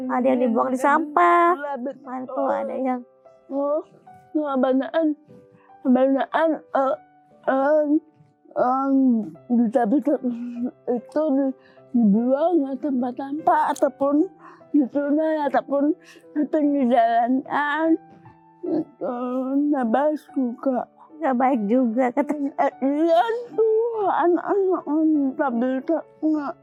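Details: Dysarthria in a young woman with cerebral palsy from birth, with speech difficulty and delayed walking (beyond age two) since childhood.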